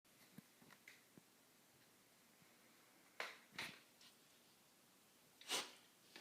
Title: Dog sneezer